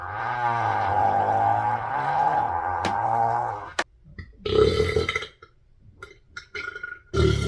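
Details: One long, deep, rumbling belch lasting nearly four seconds, then a few short bursts and clicks, in a person bloated after a lunch of pizza, fries and a shake.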